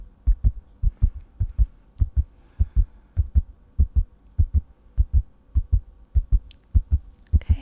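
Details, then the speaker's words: Simulated role-play cold-and-flu exam, stethoscope on chest while breathing normally: regular paired heartbeats about 100 per minute, judged not tachycardic, no murmur heard; normal heart sounds. "sounds relatively normal there's no tachycardia it's going quite fast but not i'd say it's about 100 beats per minute so there's nothing to worry about there"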